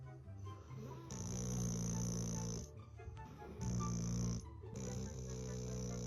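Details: Sleeping dog snoring: loud, drawn-out snores one after another, over background music.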